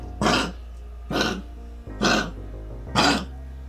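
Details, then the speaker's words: Dog gives four harsh, dry, honking coughs in a steady series, typical of kennel cough (canine infectious tracheobronchitis); owners often mistake this cough for something stuck in the throat. "escuchan esta tos muchos propietarios acuden al veterinario pensando que el animal se le ha quedado algo clavado en la garganta"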